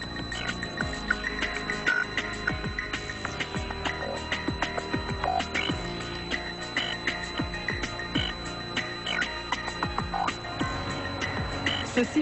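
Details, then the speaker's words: Simulated tinnitus whistling representing a man's constant day-and-night tinnitus after acoustic trauma at a nightclub; he has become hypersensitive to noise. "le silence n'est plus là il m'a quitté et s'est transformé en bourdonnement et sifflement des bruits insupportables qui me rendent fou"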